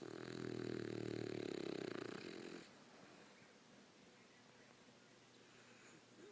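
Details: A loud, rattling, fluttering snore lasting about two and a half seconds, then fading to quiet room noise: snoring.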